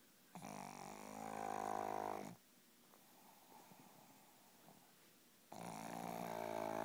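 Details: A person asleep and snoring: two long, loud, rattling snores on breathing in, with a quiet pause between them. Ordinary snoring.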